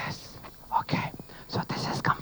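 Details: Imitated, not real, patient voice illustrating very severe dysphonia in which the signal lacks periodicity, making acoustic analysis uninformative; severe dysphonia.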